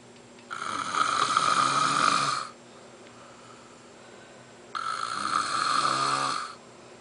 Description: My husband says he doesn't snore. I have proof he does.